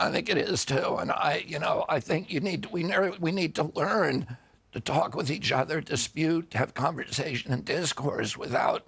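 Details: Adult man with spasmodic dysphonia (which he calls spasmodic dystonia), a neurological disorder that began after a 1996 injury at age 42 and makes his vocal cords tighten constantly; not a tissue injury; surgery in Kyoto about eight months earlier, now on alternative therapies.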